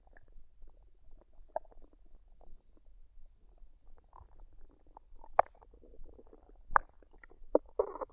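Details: Woman's belly digesting a dinner of fried rice and duck, unedited, no artificial sounds: irregular gurgles, squelches and bubbling rumbles, ordinary post-meal bowel sounds.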